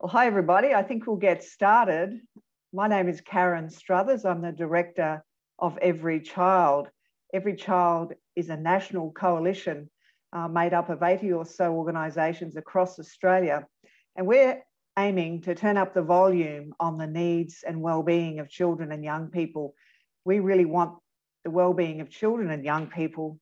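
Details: Adult woman; normal speech.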